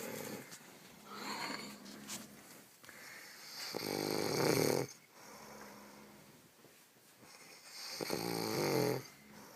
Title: Three way snoring